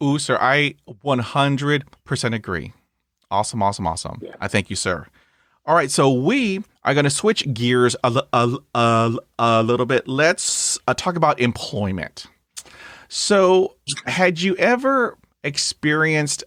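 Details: Adult who stutters, with blocks and repetitions and accompanying eye closing and arm movements; stuttering.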